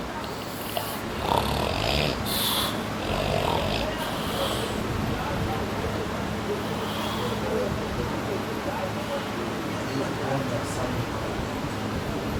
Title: Very funny snoring خراٹے